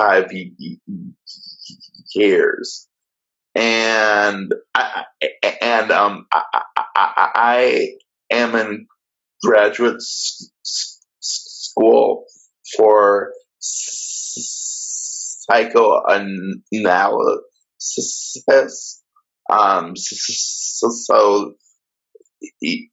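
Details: Male graduate student who stutters and says he fell back into covert stuttering and avoidance five years ago; marked blocks and repetitions; stuttering.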